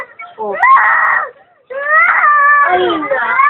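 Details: A baby cries in two loud, strained wails separated by a brief pause for breath; infant crying.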